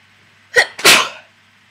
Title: Wet sneezes with variety